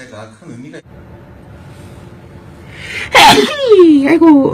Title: Sneezing compilation